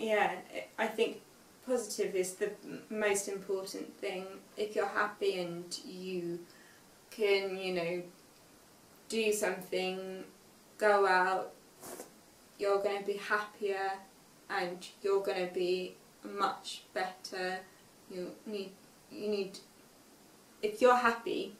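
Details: Aphasia in a young woman five years after a stroke at age 18, reading aloud an unseen text; reading has been hard for her since the stroke.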